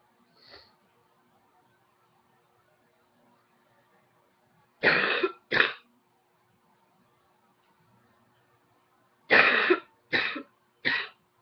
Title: Coughing # 9